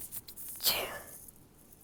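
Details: Stifled sneeze: a single short, muffled burst of air held back with the mouth closed.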